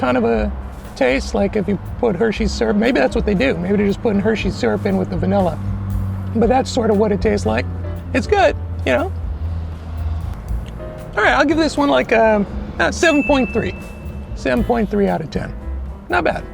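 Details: Adult man whose voice never changed after puberty, high falsetto since childhood; can hold a deeper voice only a minute or two; no voice therapy chosen; mutational falsetto (puberphonia).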